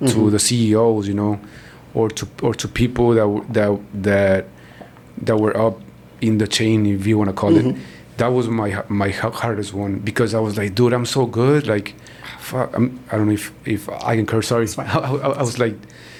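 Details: Man born in Mexico and living in Texas, a self-described person who stutters; stuttering.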